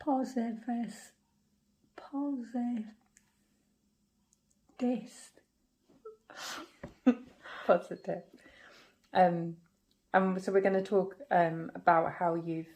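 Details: Aphasia in a woman, 17 years after a stroke at age 46 affecting the brain's language centres, reading aloud with word repetitions; initially she had only three words and has since regained more language.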